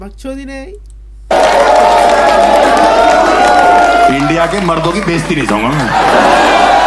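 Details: Adult man performing stand-up; no speech disorder.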